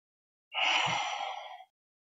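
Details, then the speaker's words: Demonstration of the breath-holding technique with a metered-dose inhaler and spacer (asthma/COPD use): one deep, airy inhalation via the mouth through the mouthpiece, held for 10 seconds, then exhaled via the nose. "inhale via your mouth hold the breath count 10 seconds and exhale via your nose"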